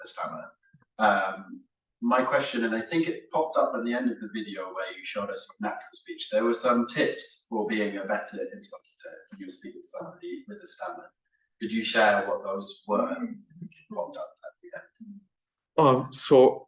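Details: Adult man speaking; ordinary speech.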